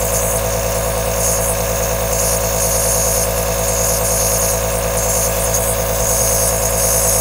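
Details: Continuous sound of a running aerosol nebulizer compressor, recorded as a 10-hour white-noise track: a steady droning motor hum with a rapid buzzing pulse and an airy hiss.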